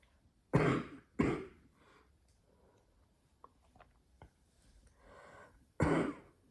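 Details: Adult woman who has smoked one pack a day of Marlboro Red for 14 years, coughing while smoking: three harsh, throaty, phlegmy cough bursts separated by quiet breathing and faint exhaling; smoker's cough.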